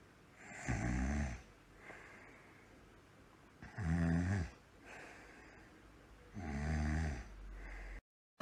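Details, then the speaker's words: Acted snore in a scripted skit: three loud, rattling snores a few seconds apart with quiet pauses between them. "okay okay okay chill fine I'll snore"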